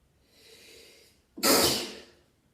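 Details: Single sneeze, described as a "standing head sneeze": a soft indrawn breath followed by one sharp, hissing burst.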